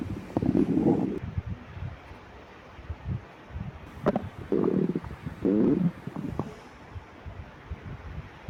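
Low gurgling rumbles and bubbling squeaks in bursts with some rustling between them; bowel sounds of a growling empty stomach.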